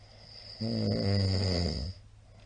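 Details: One loud, low, rattling snore lasting over a second, with quiet room noise around it; a middle-aged man snoring, recorded 28 March 2022.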